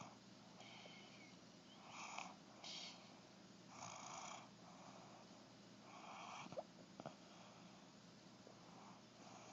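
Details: A cat with a cold snoring: repeated raspy, noisy congested breaths with occasional snorting clicks.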